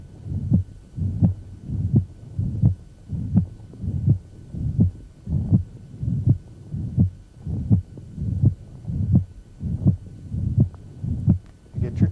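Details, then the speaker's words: Mitral regurgitation holosystolic murmur: murmur reaching peak intensity right after the first heart sound and lasting until the second, loudest at the apex and radiating toward the axilla. "now mitral regurgitation differs as soon as you hear first hearts and the murmur is going to reach peak intensity and it's going to last until the second heart sound it's gonna be loudest at the apex"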